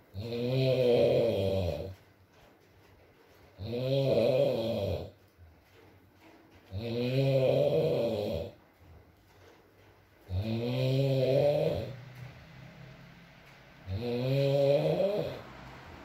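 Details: Adult man (boyfriend) asleep, ASMR recording: loud, regular snores, about 18 a minute, with quiet gaps between, light rain in background; ordinary snoring.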